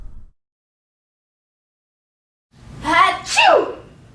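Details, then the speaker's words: Simulated sneeze in a hygiene-etiquette demonstration: a sharp in-breath then an explosive burst; sneezing. "cassandra effectively uses her right elbow even droplets from this big sneeze are stopped in their tracks as joanne makes sure her nose and mouth are deep in the fabric"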